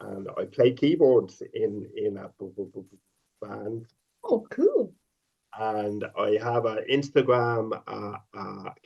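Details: Stuttering in an adult man who stutters, speaking openly with the stammering left in, with part-word repetitions.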